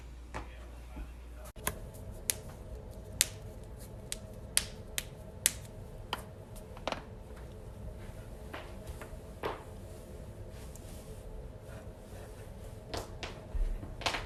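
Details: Sharp, irregular cracks and pops from joints repeatedly bent, recorded close up over a low room hum: joint cracking (cavitation).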